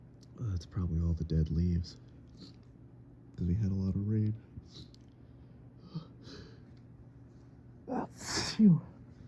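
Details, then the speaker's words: Allergic sneezing fit on a fall evening, suspected mold or ragweed: moaning build-up sounds as tickles set off a chain reaction, then a sharp, ferocious sneeze near the end. "I felt this one building up and immediately grabbed my phone because I was like, oh, here comes another one. Here comes another fit."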